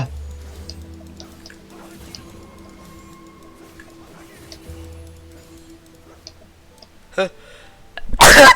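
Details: After quiet music, a short intake sound leads into one loud, explosive burst at the end, followed by a remark that it hurt; a forceful sneeze.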